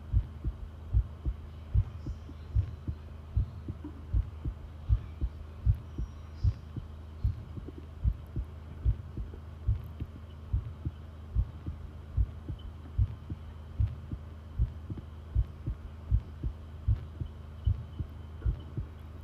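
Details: Long-duration heart sound recording: steady, regular thumping heartbeat at about 76 beats per minute over a low hum; normal heart sounds.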